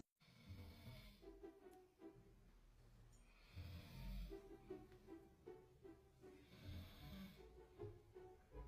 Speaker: my husband snoring in his sleep and scared the baby